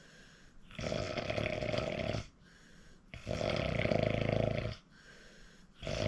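Loud, rough, rattling snores on each breath in, with quieter breaths out between them, about three snores in six seconds: heavy snoring.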